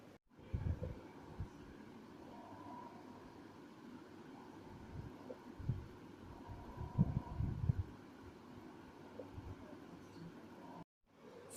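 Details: Lung auscultation with a stethoscope: muffled chest sounds with low, bubbling crackle bursts during breathing, consistent with coarse crackles.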